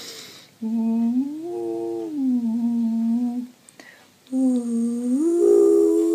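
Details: Adult female professional singer with vocal cord palsy, voice failing since 2017, clip from months after diagnosis; straw phonation with attempted vibrato, her best effort, unable to sing, breathing difficult and very winded; dysphonia with vocal cord palsy.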